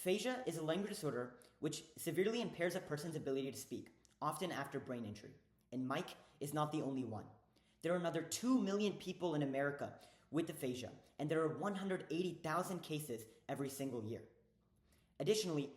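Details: Adult male speaker; ordinary speech.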